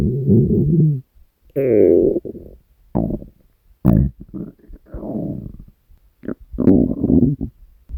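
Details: Hungry stomach growling (borborygmi): loud gurgling, groaning rumbles in several bursts with short gaps, a normal bowel sound.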